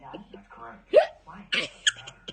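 Babbling voice broken by sudden sharp catches, about three in two seconds; hiccups.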